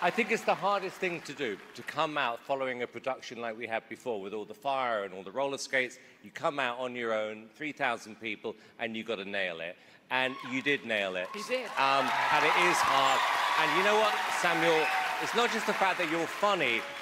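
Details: Adult man; normal speech.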